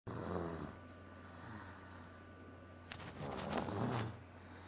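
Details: Two low, rough, vibrating breaths with a steady hum and some rustling: snoring.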